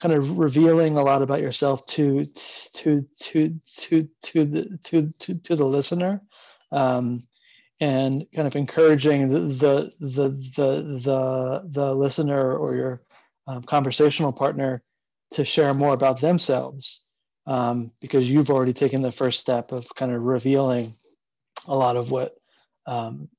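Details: Adult man who stutters and has been open about his stuttering for about seven years, with repeated whole-word repetitions; stuttering.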